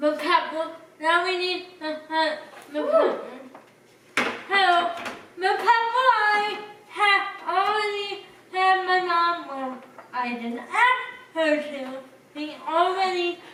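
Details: Adult speaker; dysarthria (cerebral palsy).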